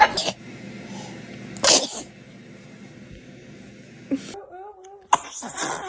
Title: Adorable baby sneeze 🤧🤣#usa #cutebaby #foryou #funny #funnybaby #funnyvideos #funnycutebaby